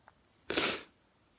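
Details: One sharp, explosive sneeze, a burst of hissing air under half a second, in a tired, bloated person whose sneezing started again despite an air cleaner, cause unknown.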